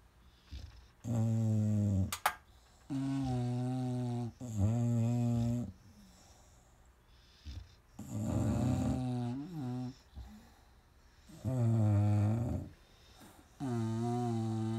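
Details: Snoring badly while asleep: loud, rumbling, buzzy snores with a tonal, groaning quality, repeating irregularly about 17 times a minute.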